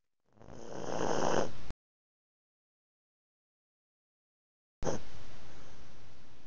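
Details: Chihuahua asleep: low, rumbling snore on a breath, then a gap, then another snore starting; snoring.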